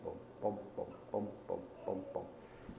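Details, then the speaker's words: Rapid, regular heartbeat of a puppy about 6 weeks old, around 160 a minute, heard by stethoscope under the chest; clean lub-dub beats with no murmur between them, normal heart sounds. "I want to hear a love dub love dub love dub with nothing between it and that's what I'm hearing right here so I'm good"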